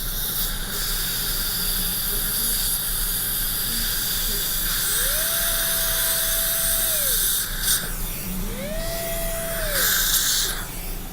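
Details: Dental drill: high-pitched whine rising and falling in two bursts over room hiss as a 1.2 mm pilot drill goes through a drill guide in a surgical stent for a mini implant in the lower bicuspid region; bone seemed soft.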